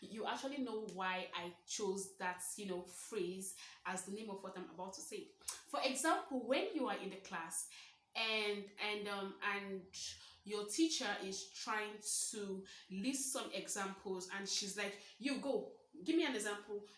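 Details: Stuttering in a 23-year-old woman who describes herself as a stammerer, speaking naturally.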